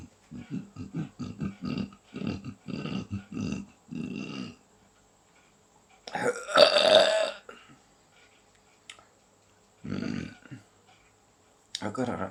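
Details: A person with chronic belching since 2012 that usually comes after eating, preceded by body pain or dizziness and not helped by medication: a rapid run of about a dozen short belches, then a long loud belch and more.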